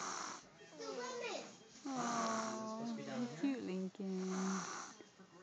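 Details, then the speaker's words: Child who fell asleep on his father after a delayed nap, snoring loudly as he does every day: loud, drawn-out vibrating snores on each breath with a rough, voice-like quality; snoring during sleep. "this is what he sounds like every day he just snores really loud"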